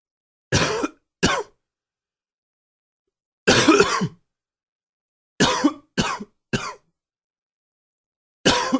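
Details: Morning coughing attributed to allergies: seven short, harsh cough bursts in small clusters separated by silence.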